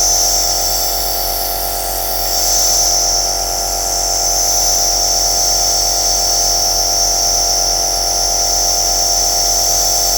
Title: Rumore bianco aerosol - mi prendo cura dei miei aerosol